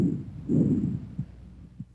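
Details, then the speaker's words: Bronchovesicular breath sounds, normally heard at the 1st–2nd anterior interspaces and between the scapulae: intermediate pitch and intensity, equal inspiration and expiration, silent gap optional. "Bronco vesicular sounds have an intermediate pitch and intensity inspiratory and expiratory sounds are about equal in duration and a silent Gap may or may not separate them"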